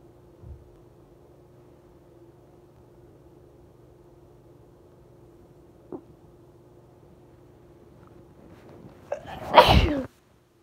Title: Sneezing Just for you